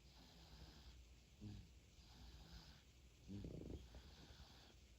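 Soft, low snoring breaths with faint snorts from a three-month-old infant, in a quiet room; infant snoring.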